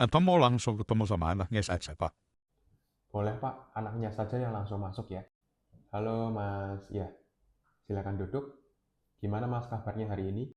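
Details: Adult man speaking Indonesian; normal speech.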